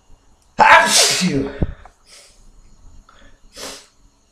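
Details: Sneezing during a hangover: one loud, explosive sneeze with a voiced trailing sound, followed by softer breathy sounds and a weaker second sneeze-like burst.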